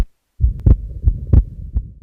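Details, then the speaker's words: Atrial septal defect, at the pulmonary area or left sternal edge: low heart sounds near 90 a minute, wide splitting of the second heart sound and a short, faint systolic murmur. "this is very important to elicit in asd wide split and a systolic murmur at the parliamentary area or at the left sternal edge"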